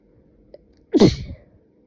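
A single short, wet, explosive sneeze in a quiet room.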